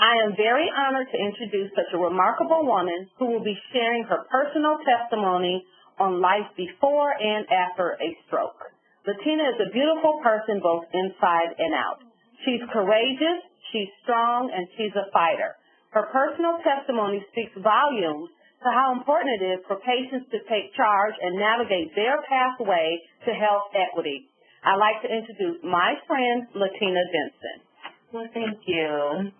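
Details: Adult woman speaking; typical speech.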